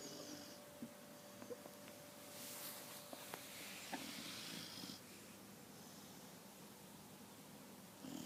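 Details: A sleeping dog snores with soft, rough breathing noises over low room noise.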